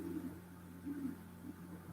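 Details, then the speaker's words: Low, irregular gurgling stomach rumbles (borborygmi) from an adult, over a steady room hum; the adult remarks how loud the rumbling is. "Can you hear my stomach rumbling? That's outrageous. I've got a beast in there."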